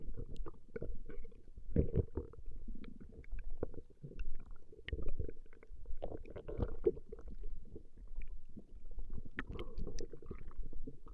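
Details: Woman's stomach growling recorded over 20 minutes; bowel sounds (borborygmi).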